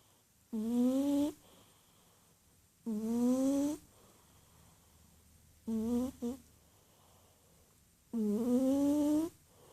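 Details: A cat curled up in a ball, deeply asleep and snoring: four drawn-out, tonal, rising snore sounds in about ten seconds, one broken into two parts, in a quiet room.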